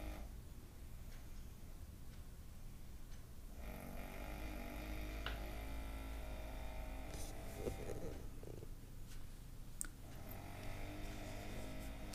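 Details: Low, rumbling, fluttering sounds from a sleeping adult man in a quiet room: snoring.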